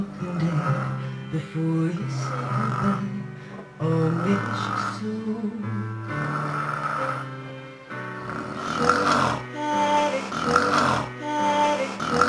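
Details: Rhythmic, loud, rattling snores roughly every two seconds after passing out, heard over background music.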